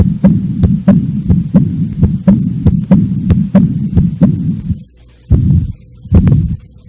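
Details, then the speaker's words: Heart auscultation teaching demonstration of murmurs from heart valve lesions: heart sounds about 90 a minute with a continuous low rumbling noise between beats, a valvular heart murmur. "pode-se encontrar ruídos anormais que são chamados sopros os outros são vibrações decorrentes de alterações o fluxo sanguíneo viscosidade e turbilhonamento que ocorrem principalmente nas lesões musculares vamos ouvir agora os sons correspondentes as principais lesões das valvas cardíacas"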